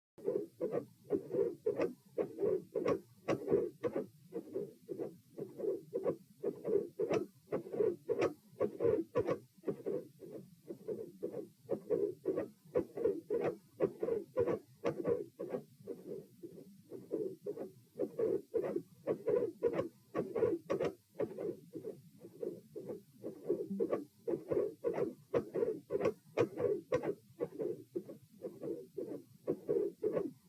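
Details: Mid-systolic click with split S2, slowed-down playback, recorded at position P with patient supine: sharp mid-systolic click and a split second heart sound.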